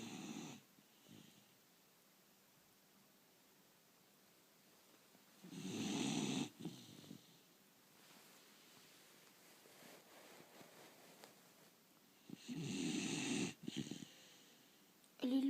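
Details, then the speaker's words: A sleeper is urged to stop snoring: loud, rough snores on two breaths about seven seconds apart, with quiet breathing between; snoring. "ну посмотри Ну хватит храпеть Посмотри в камеру"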